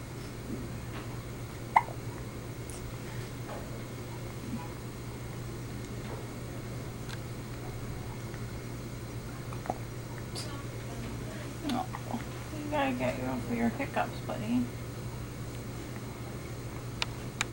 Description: Less than one day old in the hospital.... my wife just got done burping him.... when he starting hiccuping, I just had to grab the camera!!!!